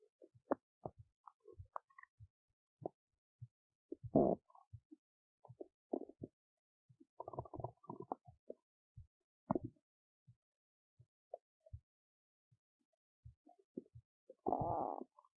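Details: Big belly noises while digesting oats: scattered gurgles, pops and short rumbles against near silence, normal digestive bowel sounds.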